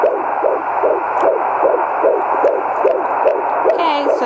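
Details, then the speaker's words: Fast, regular whooshing fetal heartbeat, about 150 beats a minute, at about 17½ weeks of pregnancy, heard through a Doppler during a home pregnancy update. "I'm going to let you hear the baby's heartbeat and I'll show you my stomach."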